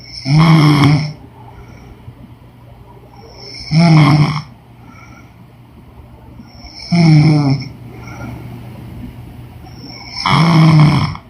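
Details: Woman snoring during sleep: four loud, regular snores about every three seconds with quiet breathing between, about 18 breaths a minute.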